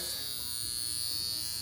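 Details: Continuous electric buzzing like a bug zapper from a portable high-frequency skin wand at its highest setting, moved over the face's expression lines, pores and under the eyes.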